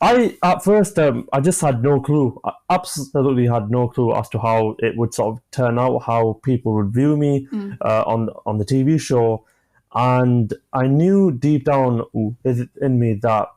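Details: 25-year-old man who has stammered since about age 5–6, with onset after an asthma attack, and who manages blocks with pausing and breathing techniques; stammering.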